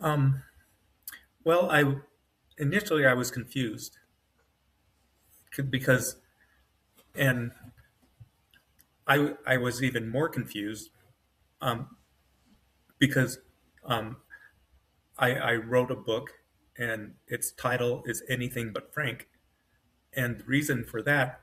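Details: Adult man with self-rated mild-to-moderate aphasia after an AVM brain hemorrhage, surgery and a 10-day medically induced coma. He woke with right-side paralysis and severe aphasia; word-finding difficulty persists, with his brain working faster than his mouth.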